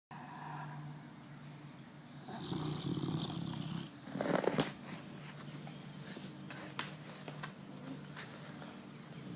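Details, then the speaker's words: A Cane Corso dog snoring at home; snoring. "What are you doing, baby? You're snoring."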